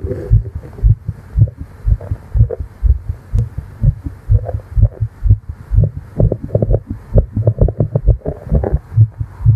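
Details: Simulated roleplay of a female's fast heartbeat heard with the head on her chest, said to be tired after flying: rapid, regular thumps around 125 a minute.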